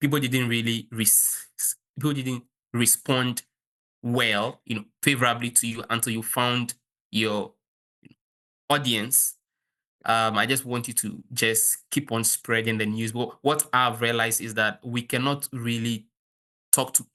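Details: Stuttering in a 23-year-old Kenyan man who has stammered since childhood, reportedly worsening at university.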